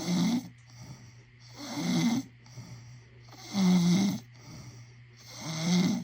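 Loud rattling snores on each breath in, about 33 per minute, with quieter breath out between; ordinary heavy snoring.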